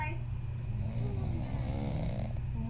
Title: Falling asleep to Daddy’s snoring